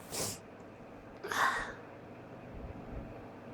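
Two short, muffled sneeze bursts with a quick inhaled catch between them, sounding held back or stuck rather than fully released.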